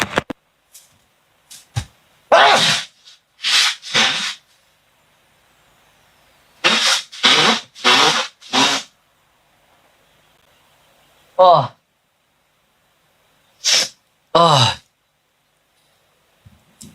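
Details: Man on livestream, possibly allergic, sneezes about eleven times, forceful sneezes singly and in quick clusters with catching breaths between; sneezing.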